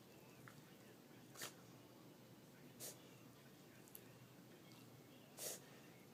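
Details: A cough.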